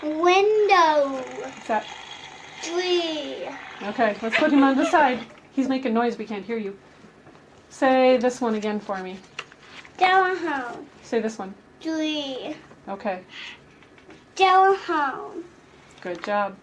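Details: Adult clinician speaking with a child; typical adult speech.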